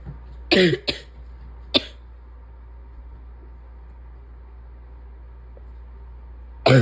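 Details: Wet chesty cough in adult with asthma, spring allergies and chronic bronchitis during a likely respiratory illness after days of tickly cough: a few harsh, loose, congested coughs, pause, then another cough begins.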